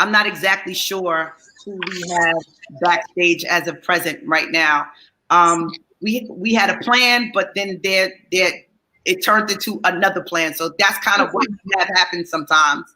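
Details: Adult speaker; Normal voice.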